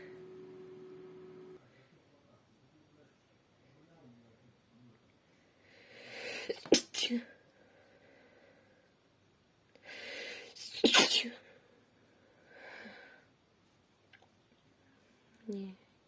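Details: Adult woman without allergies, deliberately trying to induce sneezes: two sneezes, each with an audible inward breath before the burst, with quiet talking between them.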